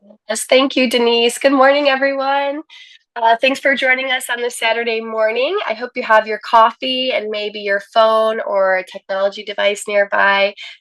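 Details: Adult woman speaking; normal adult speech.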